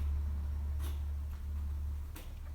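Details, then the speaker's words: Pet rabbit with really bad allergies: two or three tiny, sharp sneezes over a steady low room hum. "she has really bad allergies and uh I don't know if you can hear her sneezing that poor little thing she's so stinking cute"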